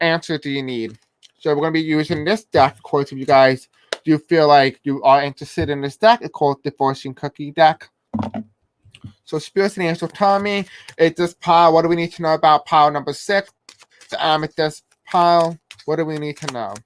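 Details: Deaf man who reports a deaf accent and difficulty pronouncing certain words; deaf speech.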